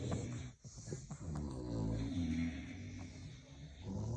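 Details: Sleeping "bully" dog making low, rumbling, fluttery snores with a long drawn-out snore in the middle; snoring.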